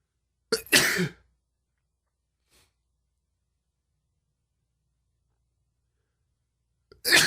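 A sharp sneeze, then silence and the start of another burst at the end.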